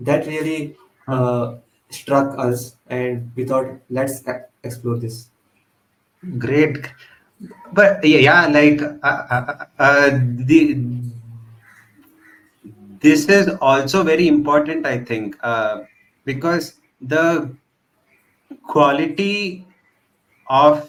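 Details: Adult man who stutters, member of a stammering association, speech showing phrase repetitions; stuttering.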